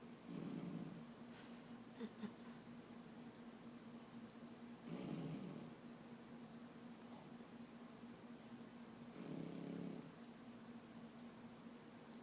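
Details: Soft, low snoring recurring about every 4–5 seconds, roughly 13 breaths a minute, over room hum from a sleeping puppy; normal puppy snoring.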